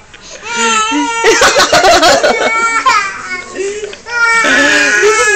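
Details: Child crying hard: loud, sustained wailing with sobbing catches between cries.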